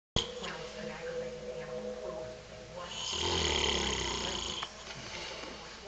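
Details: A father, described as a very heavy snorer, asleep: a loud, rough, rattling snore on a breath in, with quieter breathing around it; heavy snoring during sleep.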